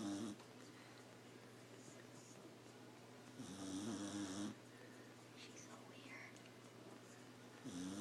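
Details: A sleeping beagle snoring, loud enough to keep its owners up at night: soft rattling snores a few breaths apart, with quiet breathing between them.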